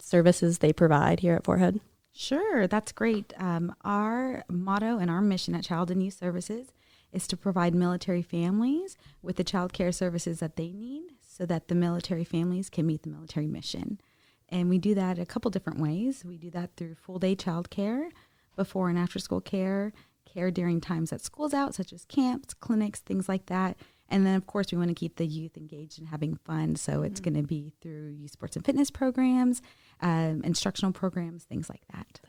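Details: Adult woman speaking; ordinary speech.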